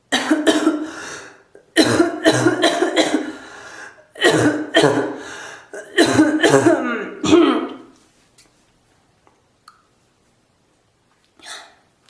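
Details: Coughing fit in a bathroom: four clusters of forceful, harsh coughs in quick succession in an echoing small room, then quiet.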